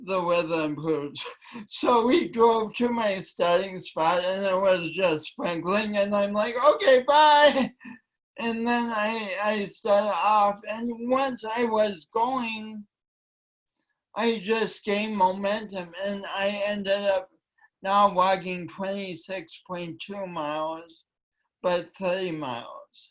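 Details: Dysarthria from cerebral palsy present since birth in a male speaker, attributed by him to oxygen loss from a kinked umbilical cord; he calls it a speech impediment and says it affects his voice and coordination.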